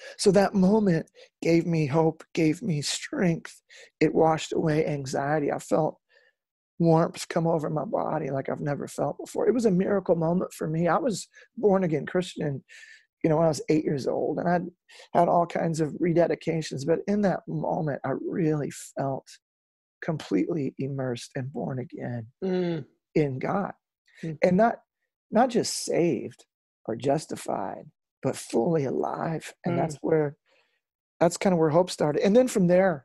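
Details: Real adult male lead singer with incurable spasmodic dysphonia that began at the height of his musical career and was first mistaken for hoarseness; he still struggles with it, and he says it is audible in his speech. Spasmodic dysphonia.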